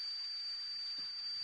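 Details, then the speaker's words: Simulated hissing-type tinnitus: a steady high-pitched hiss with a thin whistling tone, like steam or air escaping from a kettle; tinnitus simulation (hissing type). "그밖에 이런 히싱 소리도 있고네 이렇게"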